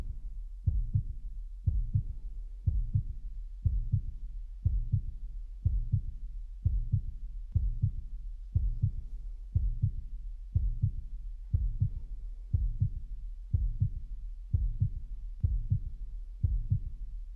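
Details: Real-person carotid auscultation in an adult woman at a routine cardiovascular checkup (active in sports, reports occasional irregular heartbeats), head turned, listened in three positions; normal carotid sounds, no bruit.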